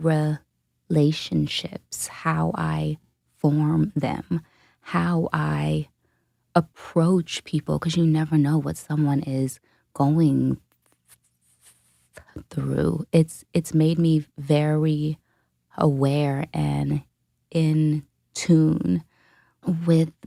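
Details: Adult woman who self-reports a stutter; stuttering.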